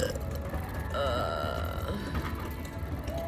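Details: Long, low, rumbling belch lasting a few seconds with faint background music; burping.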